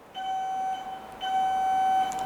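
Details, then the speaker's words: Heal Force electrosurgical generator, monopolar pencil: steady high electronic tone sounding while the yellow cut button is pressed, the normal cut-mode activation tone. "this pencil controls two modes one is cut and one is coagulate when we press the yellow button this function is on"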